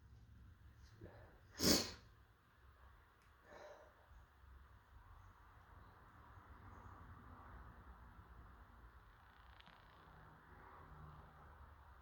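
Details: Person who feels they may be coming down with something gives a single sharp, explosive sneeze, followed by quiet breathing and faint room noise; sneeze.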